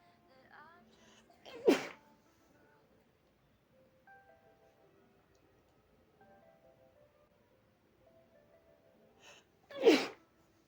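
Two sharp sneezes several seconds apart, each after a brief catching breath, with soft music in the background; allergy sneezing.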